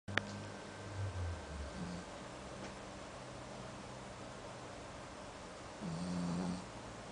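Low, soft snoring rumble with a brief louder snort near the end, heard against room noise.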